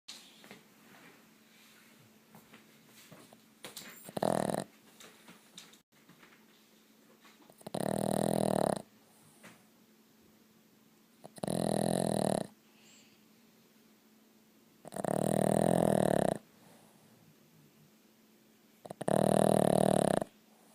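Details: Chapp, a sleeping shelter dog, gives loud, rattling snores about every four seconds, roughly 15 a minute: dog snoring.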